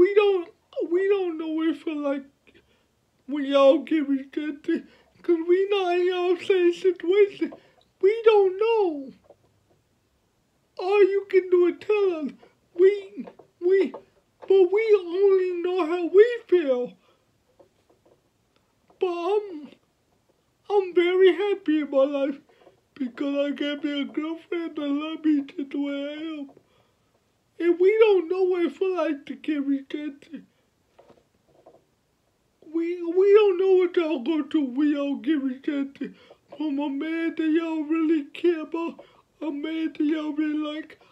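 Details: 29-year-old man with cerebral palsy from birth, born at five months (premature), speaking about his own life; dysarthric speech (cerebral palsy).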